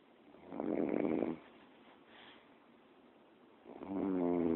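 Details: Recorded on a BlackBerry phone: two rough, fluttering inhaled snores about three seconds apart with a soft breath between; snoring.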